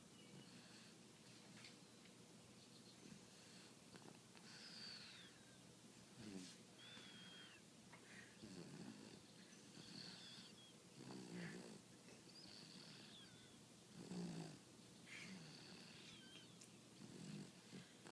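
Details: Soft, fluttering snores repeating about 21 times a minute at an irregular pace against a quiet room hiss; snoring.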